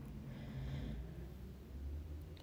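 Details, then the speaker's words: A sleeping pet snores in its spot: brief low, rattling snore against steady low room rumble; ordinary sleep snoring. "Sherman's in here snoring I'm sure you can hear him he's just all squishy and cute in his little spot"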